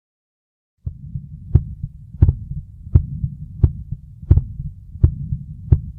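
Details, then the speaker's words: Regular heartbeat near 88 a minute with a high-pitched crescendo-decrescendo midsystolic murmur, best heard at the lower left sternal border, not radiating to the carotids; hypertrophic obstructive cardiomyopathy murmur. "now in hypertrophic obstructive cardiomyopathy or hookum the murmur is important to detect due to its clinical implications the particular murmur is high based crescendo decrescendomid systolic power heard best at the lower uh left sinal border"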